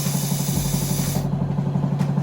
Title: NMD Nexus Medodent Dental Air Motor with irrigation substitute for clinical Micromotor 2021 #dental